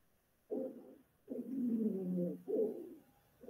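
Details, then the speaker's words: Lung auscultation: musical, whistling sounds in both inspiration and expiration, arising in the conducting airways. Wheezes. "Los roncantes y los sibilantes son tanto en inspiración como también en expiración."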